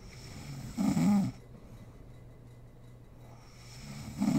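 Low rattling snore on inhalation, then a quiet breathing pause before the next snore begins: snoring during sleep.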